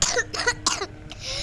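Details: Young child, a first-grade sibling, with flu, coughing a few short, harsh coughs with some throat clearing that break off singing sholawat; cough during a cold.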